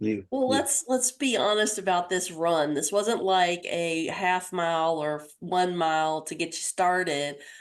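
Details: Adult woman speaking; normal voice.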